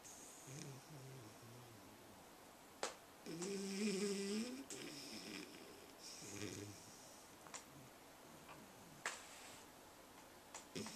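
A loud, rough, buzzing snore on an in-breath, with softer breathing noise around it in a quiet room.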